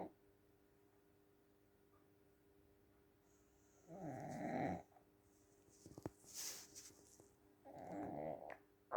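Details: A sleeping dog snoring in a quiet room: two or three rough, low, rattling breath noises spaced several seconds apart.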